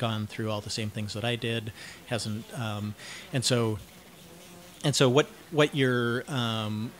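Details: Cluttering, self-described syntactic subtype, in a 49-year-old man.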